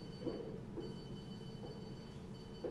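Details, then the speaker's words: Spur-thighed tortoise under anesthesia during an annual exam, Doppler used to monitor heart rate and anesthetic depth: two soft whooshing blood-flow pulses about two and a half seconds apart over equipment hum, a slow heart rate. "You can see the team's just using that Doppler again to keep an eye on his heart rate. It's one of the best methods we can use to assess depth of anesthesia."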